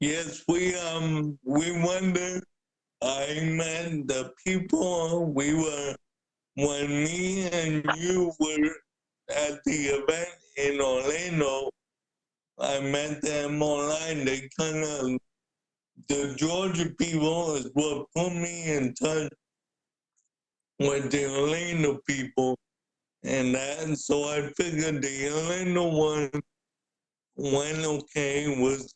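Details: Dysarthria in an adult man with cerebral palsy since birth who uses a wheelchair and describes himself as higher functioning with mainly physical limitations; speaking is noted to be hard for him.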